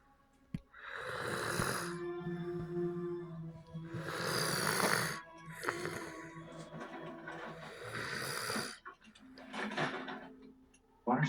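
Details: Irregular rattling snores from a man in a dramatized, simulated scene, over background music. Snoring.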